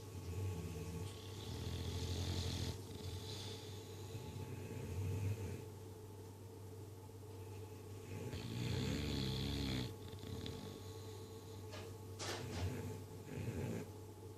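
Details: Two bulldogs asleep, snoring: low rumbling, snorting breaths in rough bursts over steady background hum.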